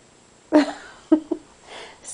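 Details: Sneeze from a 3-week-old baby.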